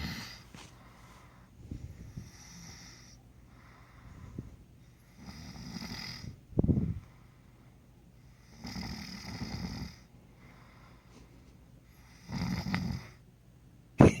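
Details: Man snoring in bed during sleep, denies snoring: loud, rough, low snores recurring every few seconds, with a snorting catch on some breaths. Snoring.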